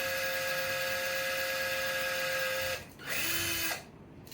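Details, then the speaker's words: Orthopaedic power drill with a 3.2 mm bit drilling a model humerus through both cortices for a cortical screw during plate fixation of a humeral shaft fracture: steady high motor whine that briefly stops and restarts at a lower pitch. "Drill అనేది first cortex నుంచి second cortex వరకు బయటికి వెళ్ళేటట్టు drill చేసుకోవాలండి."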